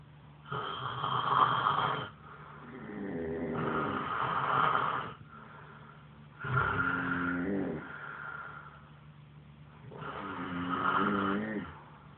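Long rumbling snores, sometimes with a whistling edge, in a slow cycle of about five breaths in 12 seconds. A steady low hum sits behind them. Snoring.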